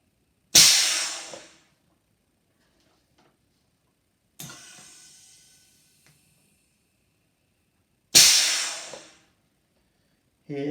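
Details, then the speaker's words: DIY pneumatic Ambu bag valve mask ventilator technology demonstrator, Arduino-controlled, driven by a 12 V DC compressor, with cycle frequency being increased: sharp hissing bursts of compressed air, each fading over about a second, repeating every few seconds. "so now the machine slow down slowly at about a 1/10 to the second I did it to the cycle time we wanted to increase the speed of the machine here the frequency is being increased"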